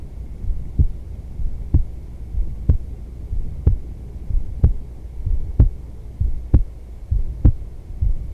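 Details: Adult female's resting heartbeat: steady, regular low thumps at about 63 beats a minute over a faint hum; normal heartbeat.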